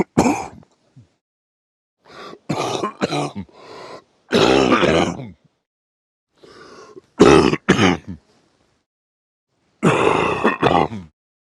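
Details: A man coughing during sleep: scattered bouts of harsh, throaty coughs and throat clearing in quick clusters separated by quiet pauses.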